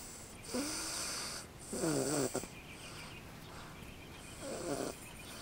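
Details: Faye snoring during a car ride, the first time she had been heard to snore: three snoring breaths with whistling, squeaky nasal tones over a steady background hiss.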